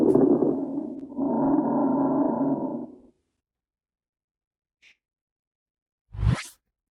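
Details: Stethoscope lung auscultation over the middle lung zone: noisy breath sounds with fine popping crackles, typical of fluid in small airways; crackles (rales), a teaching example contrasted with rhonchi.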